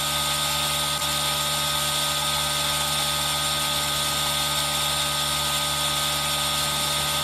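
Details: Steady mechanical hum with a continuous airy hiss from an aerosol nebulizer compressor, recorded on a Zoom H1n for ASMR, with rain sound blended in.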